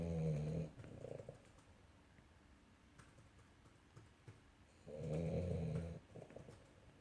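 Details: Small pet dog that snores all the time while sleeping: two deep, rumbling, rattling snores a few seconds apart in a quiet room; snoring in sleep.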